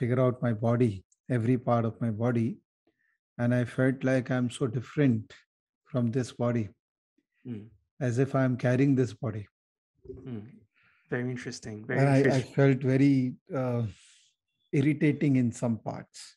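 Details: Adult male speaker; normal speech.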